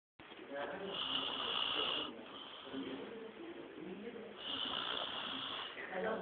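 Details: Man who claims he doesn't snore: long, rough snores with a whistling edge on each breath, quieter pauses between; loud snoring in sleep.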